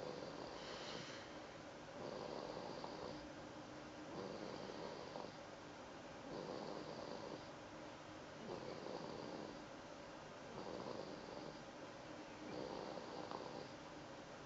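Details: A daughter snoring, like her father: soft, steady snoring with a gentle rasp on each breath, about 30 breaths a minute.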